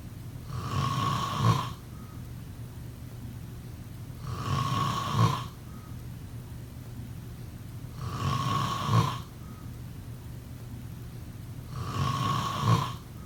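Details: Steady, rhythmic rumbling snores on each in-breath, about 16 a minute, in a quiet room: snoring during sleep.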